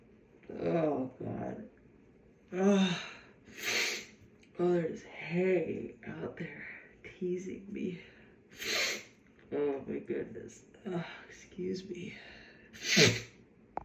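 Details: Three sharp, forceful, hissing allergy sneezes from a woman, with gasping and groaning exclamations between them after a nose tickle; allergic sneezing fit.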